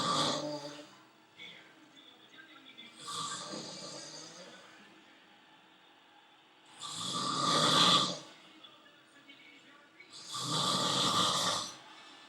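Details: Adult male hospital roommate in a French hospital snoring while asleep; loud, rasping snores with each breath, about 18 a minute, separated by quiet pauses; heavy snoring.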